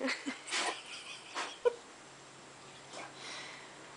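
Several short, snorting sneezes from a dog, with soft breathy bursts between them in a quiet room.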